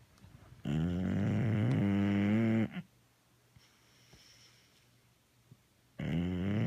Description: Bully so tired he snores even when awake